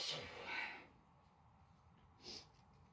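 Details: Female stifling sneezes: two muffled, stifled sneezes with breathy hiss and little voice, separated by a quiet pause.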